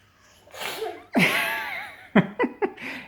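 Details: A toddler of about 13 months, eating at the time, doing a fake sneeze: a breathy intake, then a burst and several short sneeze-like puffs; an imitated, not real, sneeze.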